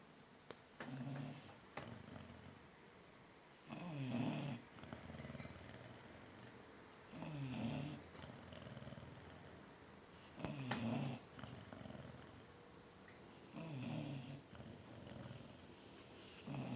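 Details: Sleeping dog snoring, Chow Chow or Newfoundland: rhythmic low rumbling snores, about 19 a minute, with soft snorty breaths between.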